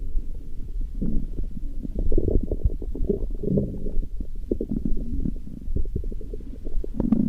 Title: Stomach growling, Урчит в животе